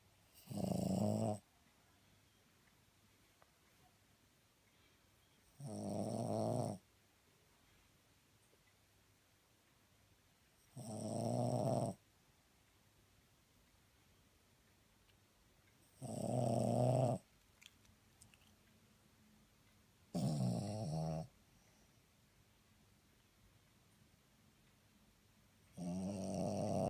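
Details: Loud, rough snoring bursts about 11 times a minute from a sleeping dog, with quiet pauses between; snoring.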